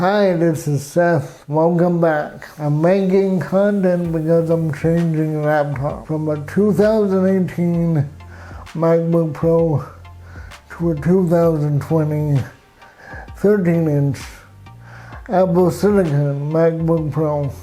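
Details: Adult man with cerebral palsy, who has had walking difficulty since childhood: dysarthric speech in cerebral palsy.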